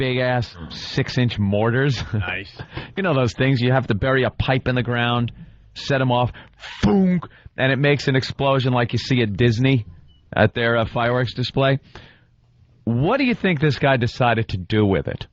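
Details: Adult man; normal speech.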